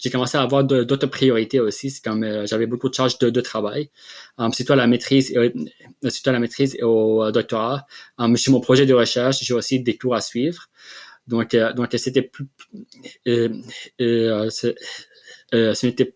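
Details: Adult man who has stuttered since childhood in Lebanon, moved to Quebec at 18, and has received speech therapy; stuttering.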